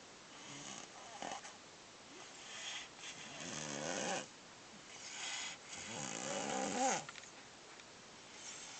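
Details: Irregular snoring: soft rattling breath noises recurring every few seconds, with quiet room hiss between.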